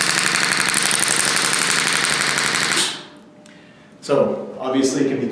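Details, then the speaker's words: Radial shockwave therapy unit fired in demonstration through ultrasound gel on the back: loud rapid rattling clicks, about 15 per second for roughly three seconds, then stopping; treatments typically last three to four minutes. "it provides a medium for the sound waves to transmit from a shockwave unit into the tissue we're trying to treat so we're going to fire it up here so you can see it in action and hear it so here we go"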